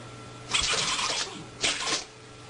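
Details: Two sharp, hissing bursts of air, each a quick explosive release; ordinary sneezes.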